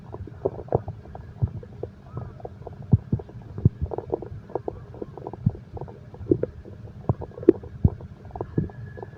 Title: insomnia terapi ( sound heartbeat and stomach growl)